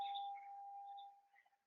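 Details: Steady mid-pitched electronic tone lasting about a second, then fading: simulated defibrillator charging tone on a childbirth and neonatal resuscitation simulator (Noelle S550.250) in a training demonstration.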